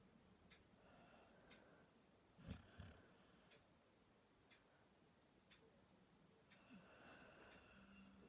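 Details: Soft snoring from a sleeping English Springer Spaniel, a female dog asleep on a bed: quiet low rumbling and a couple of brief snorts against faint room ticking.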